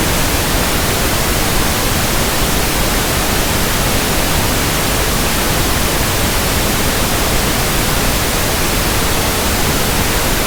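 Steady soft static-like hiss with a deep, balanced tone, a pink-noise simulation of persistent background tinnitus for sound matching.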